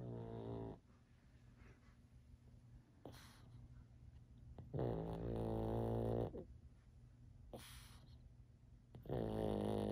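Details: Pug dog snoring in winter with its eyes open: loud, rough, rattling, buzzing snores recurring about every three seconds in a quiet room.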